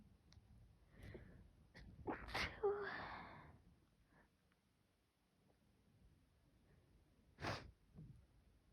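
Quiet room with soft sniffles, then a strong sneeze and a second sharp sneeze a few seconds later.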